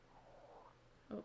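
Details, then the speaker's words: An adult lecturer's stomach growling from hunger, awake since 3 am with only half a cup of coffee by 6:40: a faint, drawn-out gurgling rumble, then a brief louder squelch. "can hear my stomach growling because again i've been up since 3 a.m and it is 6 40 and all i've had is half a cup of coffee"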